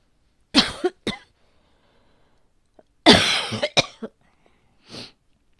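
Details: Adult woman with asthma, normally well controlled, feeling asthmatic today at a change of season: two short bouts of harsh, dry coughing in a quiet room, no audible wheeze; possible asthma flare.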